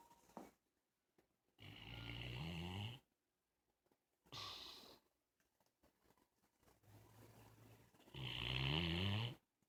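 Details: Bloodhound asleep on a couch in the morning: loud, deep, rattling snores on each breath with quiet gaps, about three in ten seconds; snoring.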